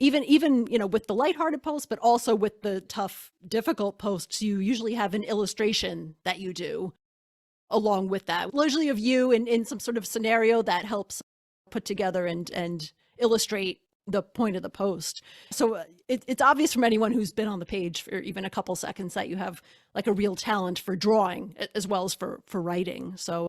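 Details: Adult woman speaking; normal speech.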